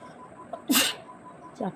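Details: Requested nose-tickling sneeze challenge: a woman twists her sari end to tickle her nose, producing one sharp, explosive sneeze after a brief intake of breath, then a short voiced sound; one of 15 sneezes.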